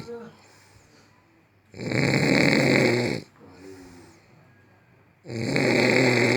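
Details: Very loud snoring, described as the world's number one snore: two long, harsh, rattling inspiratory snores with quieter breathing between them.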